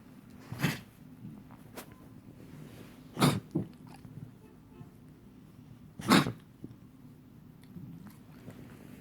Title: Boomerang cough 4